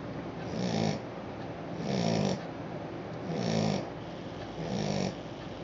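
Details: Sleeping Australian Shepherd puppy: regular low rumbling snores, about 45 breaths a minute, each with a soft fluttering sound on the breath.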